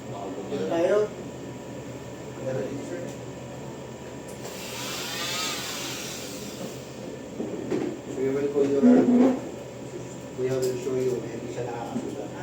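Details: Oscillating cast saw buzzing with a high whine as it cuts through a cast, removing it one month after a wrist fracture. Talk around it includes whether the saw stops at the skin and the padding that protects the skin.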